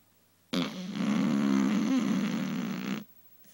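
One long, loud, rattling snore from a sleeping dog, with a low fluttering buzz through the whole breath.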